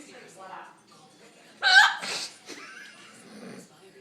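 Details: One loud, abrupt hiccup breaks through soft talk and laughter: big hiccups.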